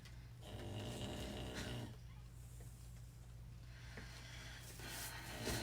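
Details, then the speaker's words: Loud, rough, rattling snores from a sleeping male dog, two long noisy breaths over a steady low room hum; snoring. "It's loud. You can hear him snoring, Pam. He's just, bless his heart. He's just so loud."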